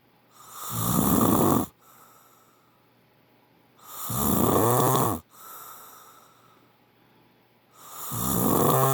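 Loud, rattling snores on each in-breath, about 17 a minute, with quiet out-breaths between them.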